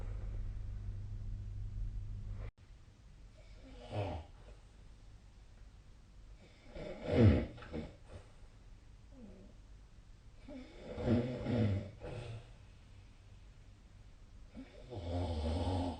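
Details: Sleeping adult snoring: irregular snorting snores about 16 a minute, uneven in loudness, over steady room hum.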